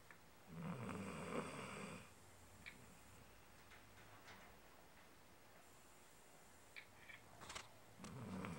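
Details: Sleeping pet dog snoring: rough, rumbling snores on the breath with quiet pauses between them.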